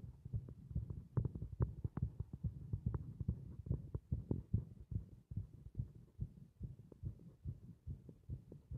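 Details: Heartbeat from a heart working against compression: fast, deep thumping heartbeats over a low rumbling background, roughly 140 beats a minute.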